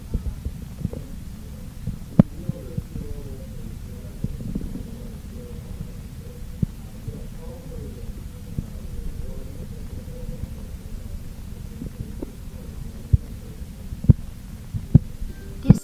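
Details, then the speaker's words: Aneroid sphygmomanometer cuff deflated at 2–3 mmHg per second after inflating to about 160–180 mmHg, heard by stethoscope: low rumbling cuff noise, then faint Korotkoff taps emerging at about one a second; the first tap marks systolic pressure. "Now slowly open the field to release air from the cup at a rate of about 2 to 3 mm of mercury per second. Listen carefully through the stethoscope for the first stepping sound."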